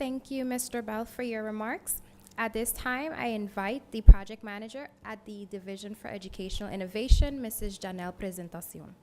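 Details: Adult woman speaking; Normal voice.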